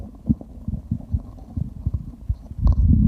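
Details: Stomach growling while drinking: low gurgling rumbles and bubbling pops from the belly, ending in a louder rumble, recorded for ASMR; bowel sounds.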